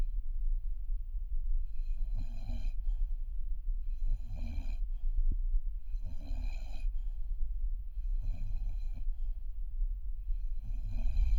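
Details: Newfoundland puppy, exhausted after a bath, snoring in sleep: regular soft snores about 28 breaths per minute, each with a low rattling tone, over steady background hum.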